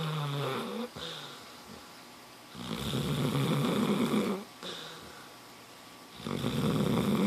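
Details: Sleeping dog snoring loudly: loud, regular rattling snores, about 17 breaths a minute, with quiet pauses between breaths; snoring.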